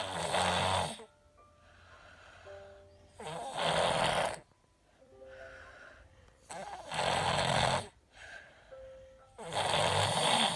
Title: Girl Snoring with a cold